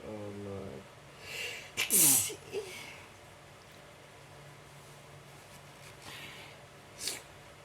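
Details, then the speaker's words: Adult in a non-stop sneezing attack: a sharp explosive sneeze with a brief inhaled build-up, followed by a softer trailing burst, in a quiet room. "I can't stop sneezing. Bless me."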